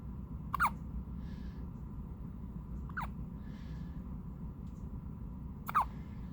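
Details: Newborn hiccups: three brief, sharp, high catching sounds a few seconds apart over a steady low hum.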